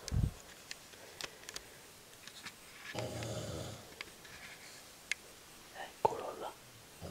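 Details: Father snoring at home after midnight, recorded raw: a single rough, rattling inhaled snore in a quiet room, with a brief low thump and scattered small clicks; snoring.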